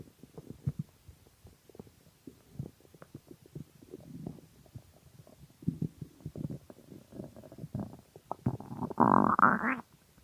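Gurgling, bubbling and squeaky rumbles building to a loud drawn-out growl; stomach growling from hunger, normal bowel sounds.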